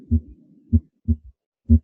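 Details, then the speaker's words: Simulated third heart sound (S3) on a Harvey cardiopulmonary simulator, heard at the apex with the stethoscope bell: low-pitched heartbeats with a soft, dull, low-frequency extra sound after the second sound. "hopefully you're all able to hear that low frequency extra heart sound the third hard sound"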